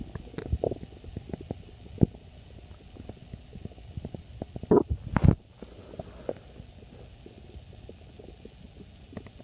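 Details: Stomach growling: low gurgling and bubbling rumbles with a louder gurgle midway, over faint room hum.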